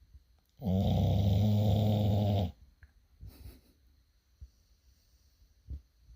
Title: Mr. Fenrir snoring time #shorts #dog #snoring #pitbull